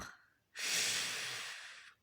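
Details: Parent, apparently the father, snoring: one long, loud, hissing breath lasting over a second during sleep; noisy sleep breathing, snoring.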